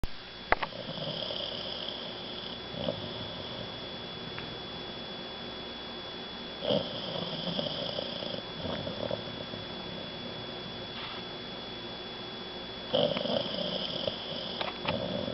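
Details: Shar Pei dog sleeping in her water bowl under acepromazine sedation, less than 72 hours after emergency gastric torsion surgery; soft, steady rumbling breaths with a few louder snorting snores.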